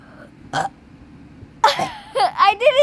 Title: lol farts and burps